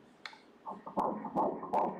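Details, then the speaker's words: Fetal heartbeat on Doppler ultrasound at 10 weeks: rapid, regular whooshing pulses at 157 beats per minute, a normal rate. "the heart rate is 157 beats per minute 157 beats per minute"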